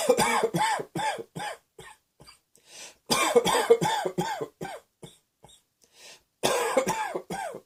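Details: Three bouts of repeated harsh coughing, several coughs in quick succession each, with brief pauses between bouts: cough.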